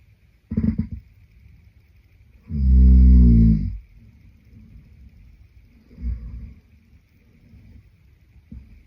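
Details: Heavy snoring from a sleeping boyfriend (male): a loud, low, rattling snore on inhalation with softer snorting breaths around it.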